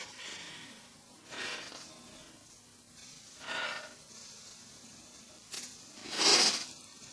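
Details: Failed sneeze: several sharp, breathy pre-sneeze inhalations build toward a sneeze that never comes out, an aborted sneeze.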